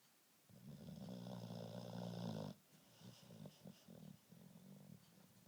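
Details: One long, low, rumbling snore on the in-breath, then softer snuffling breaths, from a sleeper in a quiet room; snoring.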